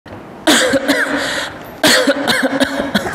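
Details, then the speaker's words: Acted adult coughing, two bouts of about four coughs, portraying a cough lasting one month despite repeated doctor visits, presented as a possible warning sign of tuberculosis. "masih batuk Iya nih udah 1 bulan batuk terus padahal udah ke dokter aku bolak-balik tapi nggak sembuh-sembuh"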